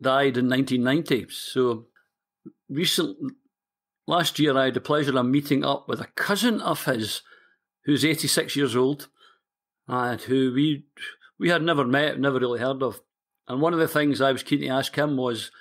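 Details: 60-year-old man from Scotland who has stammered since about age four; stuttering (stammering).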